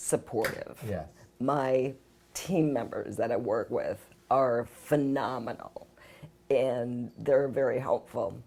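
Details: Adult woman with spasmodic dysphonia, a rare neurological voice disorder, symptoms starting about 6 years ago; spasmodic dysphonia.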